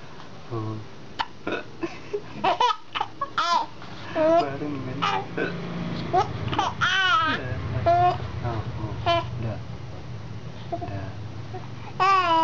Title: baby hiccup and laugh so loudly